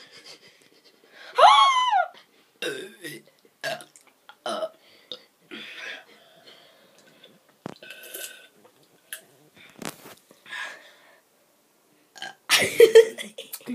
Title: Burp contest